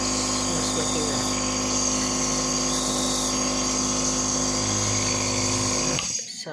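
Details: Surgitech mini nebulizer compressor running for a demo using clean water: steady mechanical hum and buzz, stopping at the end.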